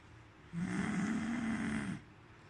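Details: One low, rattling, vibrating breath lasting about one and a half seconds, heard during sleep; a typical snore.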